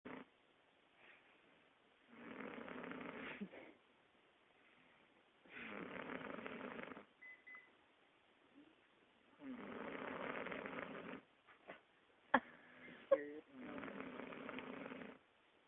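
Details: 21-year-old girl snoring: rough, rattling inspiratory snores, about four in fifteen seconds with quiet pauses between; ordinary snoring.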